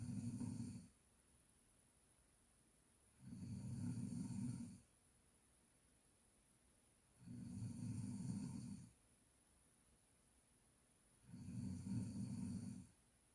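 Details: Four low, rumbling snores with quiet gaps between, about 16 breaths a minute, over a steady background hum; snoring.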